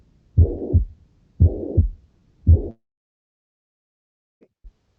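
Three slow beats with a steady murmur filling the gap between first and second heart sounds: a holosystolic mitral regurgitation murmur.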